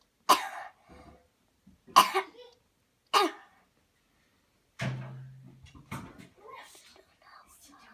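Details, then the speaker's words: Child's voluntary coughs on command during a cleansing-healing coughing technique demo after deep breaths: three sharp, separate coughs, followed by a brief adult voice. "Here we go. Breathe in deep, deep, deep. Cough."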